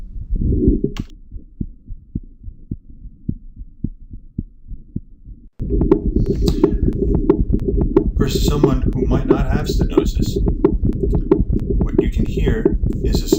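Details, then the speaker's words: Abnormal heart sounds in bicuspid aortic valve: regular heartbeats with a sharp extra click in early systole, a systolic ejection click, instead of a normal first and second heart sound. "it is not a normal first and second heart sound it is an abnormal heart sound"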